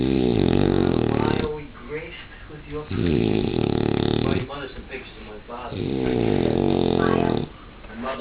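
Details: Male snoring as his "party trick": loud, deep rattling snores on the in-breath, each about 1.5 seconds long, with quieter out-breaths between; heavy snoring.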